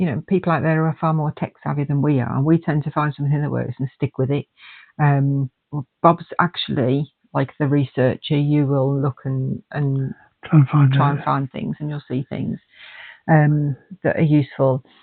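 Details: Adult man speaking, possibly with a second voice briefly; ordinary conversational speech.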